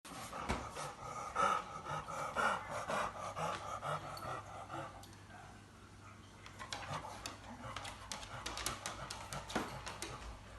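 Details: Dog after surgery: harsh, noisy, partly whistling in-breaths; inspiratory stridor post surgery.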